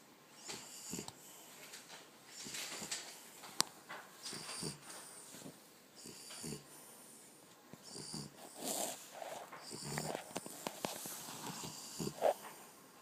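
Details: Irregular snorting, wheezy snoring breaths with hissy high-pitched noise from a sleeping French Bulldog; snoring.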